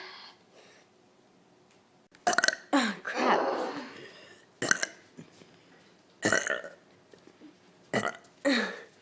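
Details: A series of loud, voiced belches, about six bursts, some long and drawn out, with quiet pauses between them; burping.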